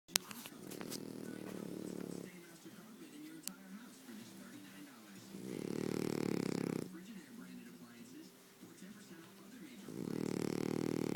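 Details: Three loud, rumbling, vibrating snores about four seconds apart, with low buzzing breaths in between; snoring.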